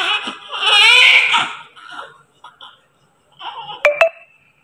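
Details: A newborn's high-pitched cry immediately after delivery, loud at first then fading into short whimpers, with two sharp clicks near the end; a normal first cry.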